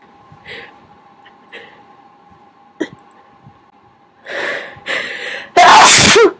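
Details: Several soft sneezes build up to one loud, explosive, wet sneeze, recorded while trying to talk between sneezes at someone's request.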